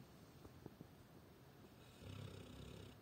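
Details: A pet dog sleeping on a balcony, snoring: low, rough snoring breaths in a quiet room, with a louder rumbling snore toward the end: snoring.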